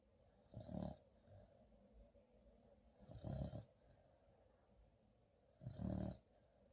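Three deep, rumbling snores at a slow, fairly even pace, about 20 a minute, with quiet breathing between. Snoring.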